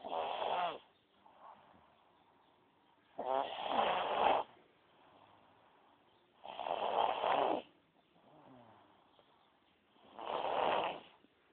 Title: rarely seen and heard snore ever